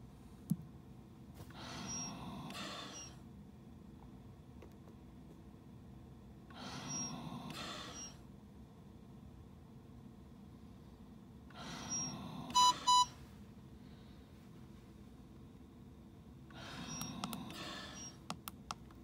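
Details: Soft whooshing ventilator breaths about every five seconds, rate 12 a minute, from a ResMed Astral 150 set up for dual-limb invasive ventilation in pressure control mode.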